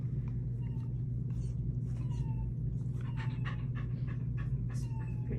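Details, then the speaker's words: Dog auscultated with a stethoscope on the left side of the chest: rapid panting breaths over a steady low hum, with clear lungs and no whooshing or crackles. "and he's breathing so you can hear him panting you can hear his lungs he's pretty good"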